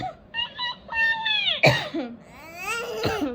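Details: A young child reciting the Bengali alphabet with a parent; drawn-out voicing breaks into one short, sharp cough, then the child's voice resumes.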